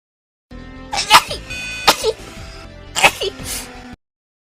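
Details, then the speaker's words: Three quick, sharp sneezes from more than one person, friends, with music playing in the background; sneezing. "I sneezed. Oh, I'm not allowed to sneeze."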